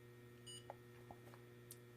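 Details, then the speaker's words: Brief electronic beep over quiet room hum from a Bayer Contour Next blood glucose meter as the test strip takes up a fingerstick blood sample (second drop after wiping the first); reading 87. "beeped let's see what it says 87 now what the heck does that mean"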